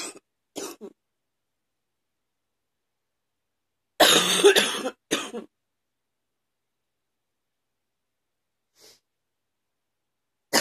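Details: Morning cough from an adult: a few small dry coughs, then a louder harsh coughing burst with a brief follow-up cough in a quiet room; cough.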